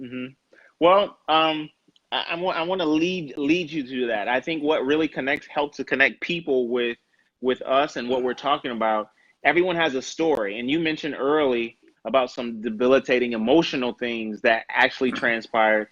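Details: Adult male interviewer; normal conversational speech.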